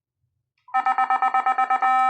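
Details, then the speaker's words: Defibrillator charging tone during a defibrillator-analyzer test at a 10 J setting, paddles on sternum and apex positions: a pulsed electronic tone that turns steady when charged; biphasic unit, measured output 8.5 J. "set in the 10 J put this paddle in the this one is sternum and this one is the apex so just charge press this button here"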